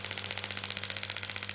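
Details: Rapid, regular sharp clicking pulses from a shockwave therapy device applied over gel to the front of the shoulder for shoulder pain, starting at low intensity and being turned up.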